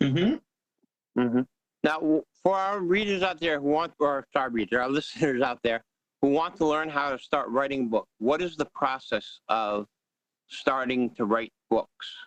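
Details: Adult male speaker; Normal speech.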